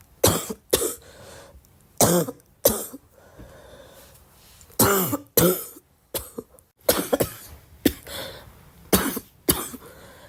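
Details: Girl coughing: about a dozen repeated harsh child's coughs in short bursts, with throat-clearing sounds between them.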